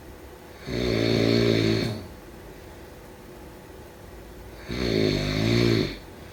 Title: Snoring sound … #4